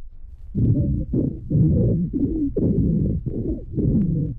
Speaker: La última grabación es de una niña de 3 meses y medio de edad con estenosis traquial congénita complicada con traqueobronquitis. Hay crepitantes gruesos con respiración traquial y bronquial.